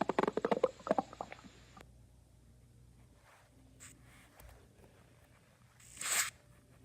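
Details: A quick run of bubbly gurgles at the start, then quiet with a few faint gurgles and a brief rustle; stomach growling (borborygmi).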